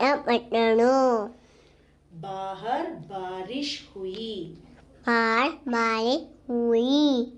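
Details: Person with cleft palate counting aloud, with normal articulatory placement but very clear nasal air escape: nasal air emission (cleft palate speech).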